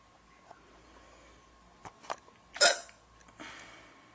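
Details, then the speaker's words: A girl with ongoing hiccups: a few short, sharp gulping catches with one loud hiccup standing out, over quiet room noise. "hiccups. Waiting for them to be over. Because I can't do anything else until they're over. It's annoying."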